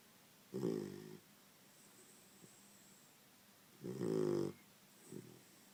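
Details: A sleeping female puppy snoring.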